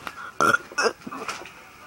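Two or three short, voiced belches in quick succession, deliberately produced in a burping contest.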